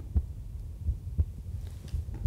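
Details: Heartbeat recorded with an Eko Duo digital ECG stethoscope: regular low thumps, about 70 beats a minute, with faint hum.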